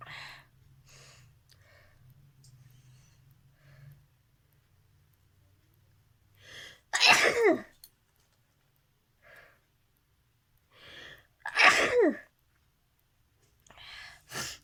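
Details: Sneezing challenge: three forceful sneezes, each preceded by quick catching breaths, with soft sniffing and breathing between them.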